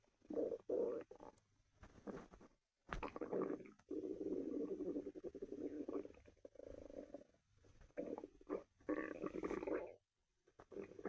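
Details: Person's stomach growl, listened to by another person: prolonged growling and gurgling stretches with brief pauses; ordinary stomach rumbling.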